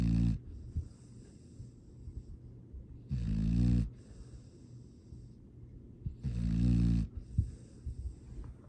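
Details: Sleeping dog snoring: three loud snoring breaths about 3 seconds apart with quieter whistling exhales between, roughly 19 breaths a minute.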